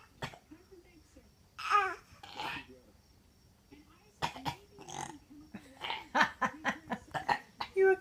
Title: Baby cough w daddy